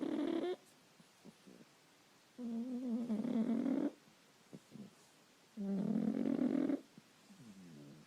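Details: Boston Terrier snoring while asleep under a blanket: repeated buzzing, slightly tonal snores, muffled and spaced about every three seconds; ordinary snoring in a sleeping dog.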